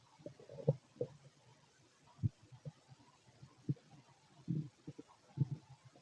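Quiet, irregular low gurgles and pops coming in short clusters; ordinary bowel sounds of digestion.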